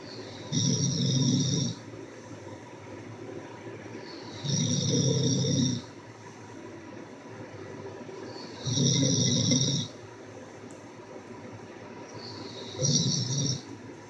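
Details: An adult snoring: loud, rough snores on each breath in, about 15 a minute, with quiet pauses between.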